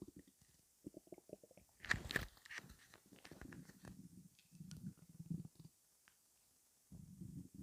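Low gurgling and bubbling rumbles in irregular bursts with a few sharper squelches: ordinary stomach rumbling from gut movement.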